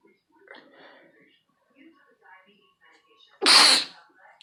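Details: A person sneezing: quiet rustling, then a single loud, sharp sneeze.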